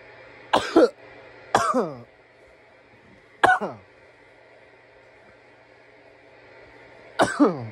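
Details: Coughing after smoking from a bong: four harsh, throaty cough bursts with rough voiced tails, spaced by pauses; irritant cough.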